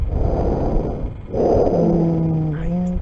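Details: Breath sounds from an asthma case in a lung auscultation class: noisy breathing with musical, tonal wheezes in the second breath, the wheezes and rhonchi of asthma, described as mainly expiratory.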